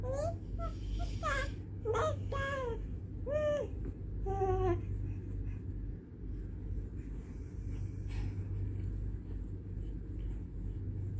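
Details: An infant's several short, rising-and-falling fussing cries over a steady low hum, then quiet; the baby reportedly dislikes the father's snoring.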